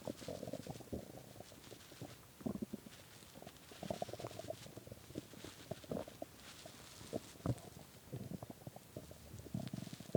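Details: Irregular low gurgling and rumbling bursts throughout: hunger stomach growling (borborygmi) at 3 a.m. after skipping lunch and dinner.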